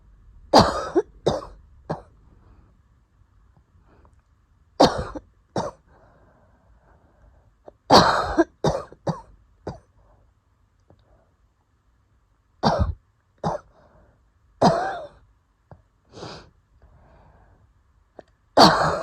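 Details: Asthma attack, the first in a long while, triggered by going outside early in the morning: clustered bursts of harsh coughing with faint wheezy breathing between them.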